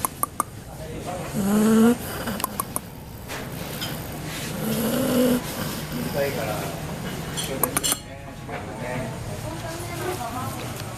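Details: Dog sleeping under a chair, snoring loudly: irregular rattling snores mixed with background voices and clinking dishes.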